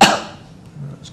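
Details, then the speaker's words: Adult male patient coughing once on request during an abdominal examination: a single sharp voluntary cough followed by quiet room sound. "could you cough again for me"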